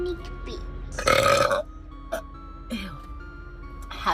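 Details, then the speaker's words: Girl gives a loud, drawn-out burp with smaller burps and speech around it over background music, after food came up; belching. "i actually feel like i have to burp again is that funny"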